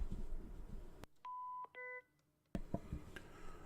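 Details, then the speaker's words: An older patient monitor in a training demonstration, powered on by holding the green button: a click, then a short two-part electronic beep sequence in a quiet room as the power-on self-test runs, which then reports passed. "You're going to push and hold it for a few seconds until you see the lights come on, then you're going to let go. And the monitor will come on and do its own self-test."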